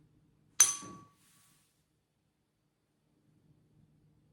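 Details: Tuning fork strike for Weber test during full head-to-toe assessment practice.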